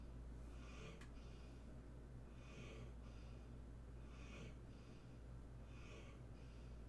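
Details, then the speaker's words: Soft, rhythmic snuffling snores, about four breaths in seven seconds, from a dog sleeping in the room over a low room hum: dog snoring. "it actually looks kind of cool still so you can hear my dog snoring now"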